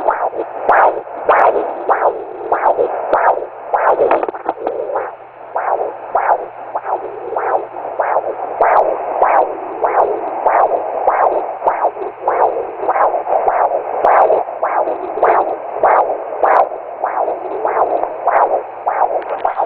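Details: Fetal heartbeat on Doppler monitor: rapid, regular whooshing pulses.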